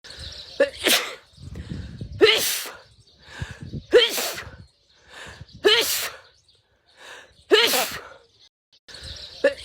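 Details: Indian woman sneezing, edited looped clip: five sharp sneezes in a row, each a quick breath in followed by a loud burst; sneezing fit.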